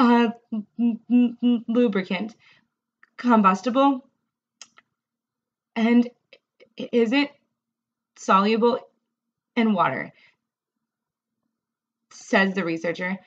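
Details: Adult woman, a speech-language pathologist who stutters, reading a passage aloud; she reports much more severe stuttering when reading, unable to swap feared words or use covert avoidance, and struggling a lot with this reading; stuttering.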